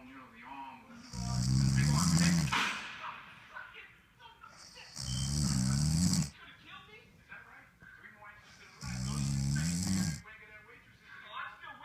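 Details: A man caught snoring very loudly: three loud, rough snores, each one to two seconds long, at a breathing rate near 16 a minute, with faint room sounds between; snoring.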